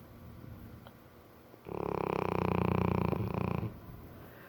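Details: A single loud, rattling snore from a sleeping English Mastiff, with a coarse fluttering vibration through the breath.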